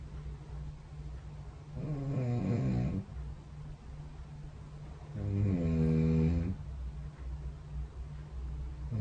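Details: Night snoring captured by the SnoreLab app beside the bed: two rough, droning snores on breathing in, about seven seconds apart, over steady low room hum.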